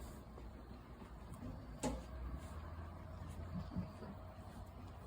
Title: 羊のくしゃみ🤧 #shorts #sheep #animals #sheep sneeze